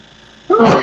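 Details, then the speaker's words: A single sudden, loud sneeze after a quiet moment during a live stream, muffled because the speaker covered the microphone with a thumb, yet still heard clearly. "I covered up my mic. I don't know if y'all can hear the sneeze or not. Yeah, I've heard it loud and clear."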